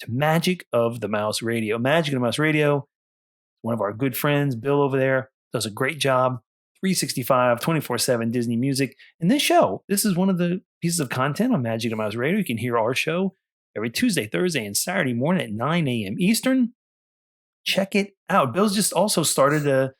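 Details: Adult speaker; typical voice.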